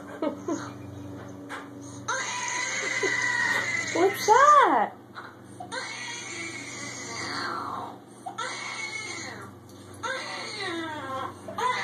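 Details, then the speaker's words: Repeated wailing infant cry bursts with rising and falling pitch over steady room hum, played as Ella hears a baby crying for the first time; infant crying. "Ella? Who's that? That crying baby?"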